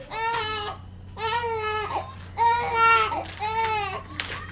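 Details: Four strong, high-pitched crying bursts with short breaths between, in a quiet room with a low hum: a normal, vigorous cry from a newborn baby boy delivered by C-section.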